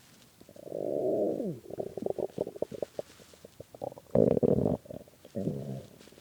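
Loud gurgling growls and bubbly rumbles from the stomach, typical hunger borborygmi, a normal sound of an empty gut moving gas and fluid.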